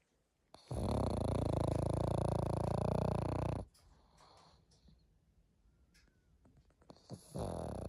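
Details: Pug (flat-faced dog) snoring heavily: a long, loud, rattling snore of about three seconds, a quiet pause, then the next snore begins.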